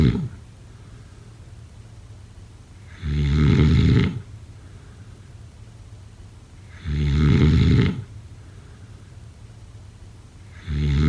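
Loud, deep snores about once every four seconds, roughly 16 breaths a minute, with quiet gaps between; typical heavy snoring.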